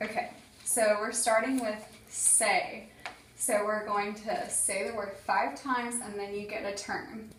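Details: Adult woman speaking; normal speech.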